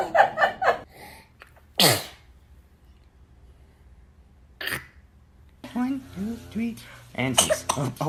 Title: Baby sneeze